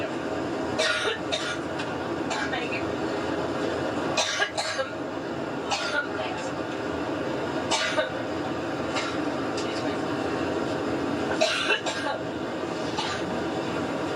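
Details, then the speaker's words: Adult woman, second coughing fit that day during a press conference aboard her campaign plane: repeated short, dry coughs in clusters over steady cabin engine noise, a persistent coughing fit. "Well, that was her press conference there aboard her new campaign plane interrupted by a coughing fit. The second coughing fit that she's had today."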